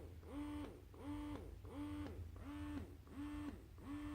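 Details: Rhythmic rising-and-falling motor whine with air suction, about 85 cycles a minute, from a Baby Buddha electric breast pump connected to open-system Freemie collection cups, running normally.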